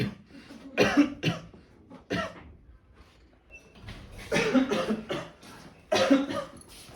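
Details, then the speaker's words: Several harsh adult coughs, acted by medical students in a TB awareness skit; the character has been coughing since morning and dismisses it as a minor cough, self-medicating from a pharmacy. "तूने किसी doctor से consult नहीं किया। अरे ये तो छोटी मोटी खांसी है। इसके लिए क्या कंसल्ट करना?"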